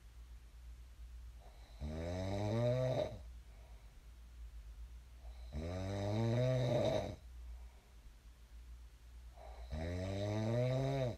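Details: Real sleep snoring of a person who snored and then woke up: regular vibrating snores on each in-breath, roughly 15 a minute, separated by softer breathing.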